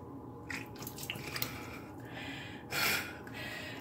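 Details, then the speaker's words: Trickling, dripping water with a brief gush as saline is poured through one nostril from a neti pot, head tilted sideways and mouth open, by an adult currently sick seeking nasal congestion relief; nasal saline irrigation. "Make sure that you put it right on your nostril, hold your head to the side, open your mouth, and pour."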